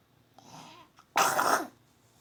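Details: Mother's cough at home: a faint breath followed by one harsh, loud cough lasting about half a second.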